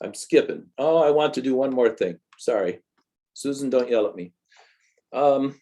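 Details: Adult speaker; typical speech.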